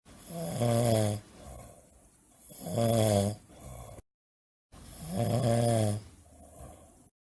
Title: Dont ever tell me you don't snore